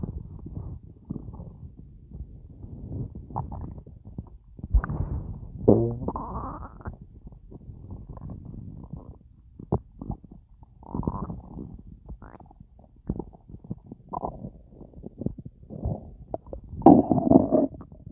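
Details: Full, gassy stomach after a large meal with a drink: frequent bubbling, gurgling and popping abdominal sounds; active gas-filled bowel sounds.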